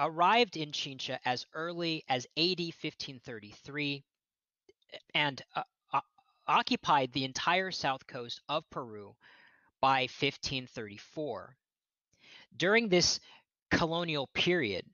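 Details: Real stuttering with word repetitions in an adult man who states he is a person who stutters, heard during a lecture he is giving.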